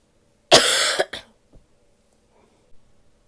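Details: Female coughing while sick; one harsh, forceful cough with a short follow-up burst, then quiet.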